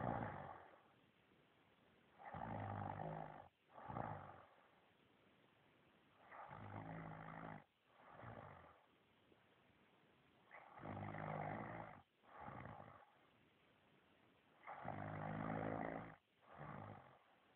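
Loud rattling inhalations, each followed by a shorter snort, repeating about every four seconds, about 15 a minute: snoring.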